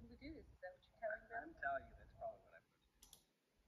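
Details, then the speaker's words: Hearing loss simulation without hearing aids, right ear, which receives about 48% of speech sounds (left ear about 8%): speech a little better than the left but still very difficult to hear. "g aids and that's in the left ear let's try the right ear it is a little bit better very difficult to hear"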